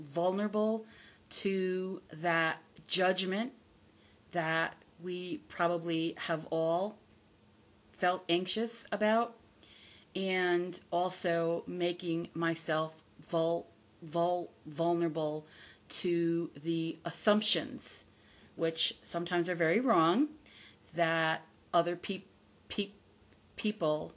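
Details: Adult woman with stuttering, real, who is recovering from the fear of stuttering; stuttering.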